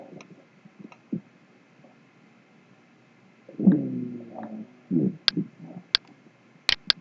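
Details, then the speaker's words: Rhonchi on chest auscultation: low-pitched gurgling, snore-like musical rattles from secretions in the large airways, which may clear after coughing up sputum or bronchoscopy. "가래가 이렇게 있는 경우에 어 그르르 그르 하는 소리가 되겠습니다 라지 시크리션 있는 거고 뮤지컬 사운드 그르릉 그르 걸기 스노링 비슷합니다로 피치가 되겠고"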